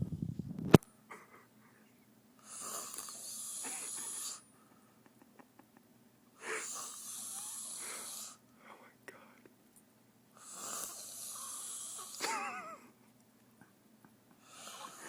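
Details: Adult woman asleep on a living-room couch after midnight, snoring loudly enough to be heard from a bedroom: rough inspiratory snores about every four seconds, roughly 15 breaths a minute, with quiet pauses.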